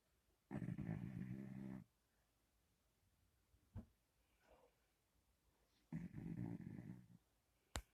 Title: Pit bull snoring loudly